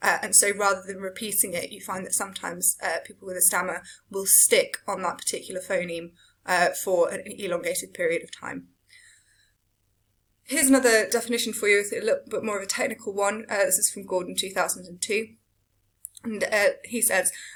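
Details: Adult lecturer; Typical speech.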